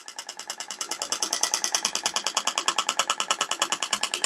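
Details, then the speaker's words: Rapid, steady clicking pulses at about 190 per minute from a shockwave therapy device (Thork) firing during a practical treatment demonstration, as the unit counts down 2000 pulses; shockwave therapy device firing. "Se a gente observar lá no equipamento, ele faz uma contagem regressiva até acabar os 2000 pulsos."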